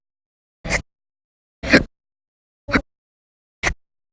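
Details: Audio-only recording of persistent hiccups over December 2019, described as violent and very loud; four abrupt, sharp gulping bursts about one second apart, roughly 60 per minute.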